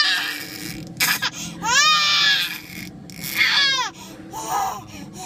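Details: Baby crying loudly in rising and falling bursts with brief pauses while irritated and sleepy; infant crying.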